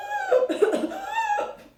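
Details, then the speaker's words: Lecturer's imitation of whooping cough (pertussis, Bordetella pertussis): short repeated coughs in a paroxysm, then a drawn-out, high-pitched crowing in-breath as the patient struggles for oxygen. "هو صوت الكحه بيبقى كده، زي كانك كده بتشهق شهقه الديك."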